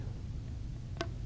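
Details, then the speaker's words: A single sharp click over low room rumble as corrugated nebulizer tubing snaps into place during setup of a nebulizer treatment with a bag valve mask, confirming a secure connection. "So what I'm going to do then is I'm going to take my corrugated tubing and I'm going to click this into place. You should hear a small snap like that."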